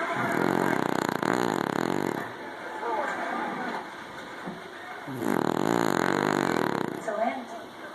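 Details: Snoring: loud, rough, rattling snores on each breath, with quieter pauses between them, about eight breaths a minute.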